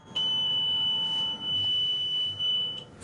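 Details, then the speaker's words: Home ventilator alarm of a man with ALS (amyotrophic lateral sclerosis), which warns when he skips a breath: a high, steady electronic beep lasting over two seconds, broken by brief dips. "you hear the alarm every every time there if he skips a breath or whatever and it's just basically a warning"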